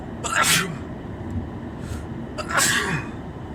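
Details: Simulated roleplay: congested adult male with a suspected cold in a car passenger seat, sniffling and blowing his nose; two forceful sneezes, each with a quick inhaled catch before the burst, over steady road noise; sneezing.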